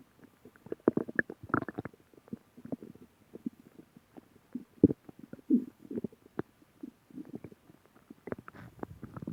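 Bursts of gurgling and bubbling bowel sounds, ordinary stomach growling.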